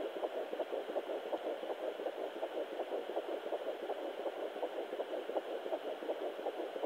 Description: My baby's heartbeat at 12 weeks on Sonoline B fetal Doppler bought of eBay. Amazing!!!!